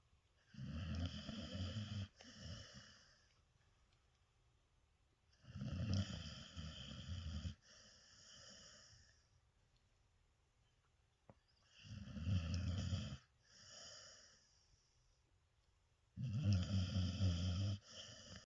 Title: Doggy Snoring